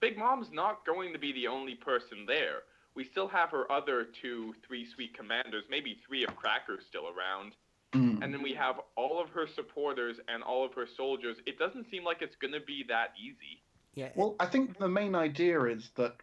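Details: Adult speaker in conversation; normal speech.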